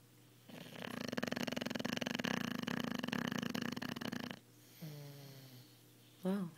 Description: This is Penelope our 4.5 month old Italian Cane Corso Mastiff pup. She is a loud sleeper.